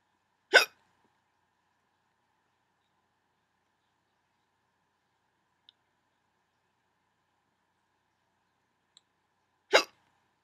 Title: Hiccups 19